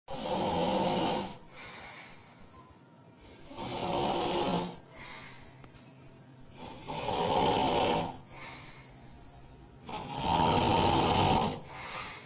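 Loud, rough snores on each in-breath, about four in twelve seconds, with quieter out-breaths between.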